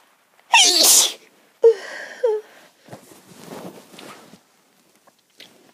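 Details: Sneezing with a cold: one loud, forceful sneeze followed by a gasping catch of breath and a sniffly exhale.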